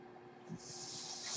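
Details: A soft, steady airflow hiss rising and building: one breath cycle delivered by the speaker's own mechanical ventilator, audible while they talk.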